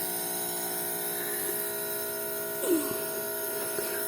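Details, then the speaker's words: Nebulizer compressor running with a steady mechanical buzzing hum and faint room sounds during inhalation treatment for cough in a 7-month-old boy who is teething. "Вот, сейчас подышим, и кашель сразу же должен стать меньше."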